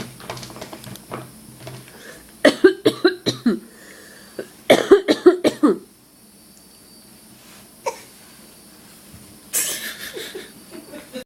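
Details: A person coughing on purpose, faking it: two short runs of deliberate, forced coughs, then a couple of single coughs, with quiet room noise between; a voluntary cough.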